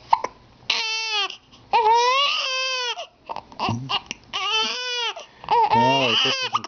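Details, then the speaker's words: An infant with a bad case of hiccups who is getting mad: repeated drawn-out wailing cries with short catching breaths between them; infant cry. "got the bad case of the hiccups and he's getting mad."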